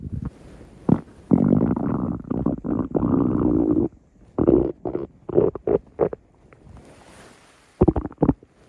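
Loud low gurgling, rumbling growls in long and short bursts; ordinary stomach growling from gas and fluid moving through the gut.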